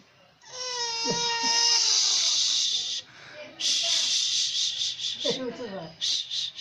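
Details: Infant's loud, high-pitched wailing cry in sustained bursts with brief catch-breaths, a reaction to grandpa's sneeze.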